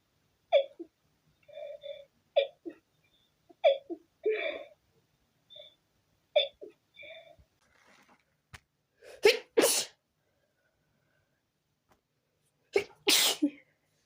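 A run of sharp sneezes in quick succession with short catches of breath between them; a sneezing fit.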